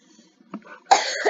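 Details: Single harsh cough burst after a brief faint sound, from a man commenting on his old videos; ordinary cough.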